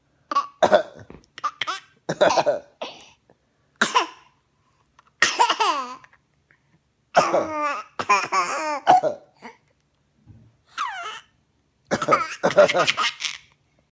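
Short bursts of infant coughing mixed with giggling and laughter, with brief quiet gaps between bursts.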